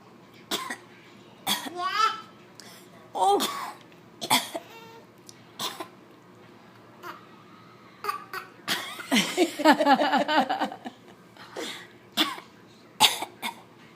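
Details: Young boy producing a voluntary fake cough: soft, breathy, forced little coughs barely coming out, mixed with babbling voice sounds.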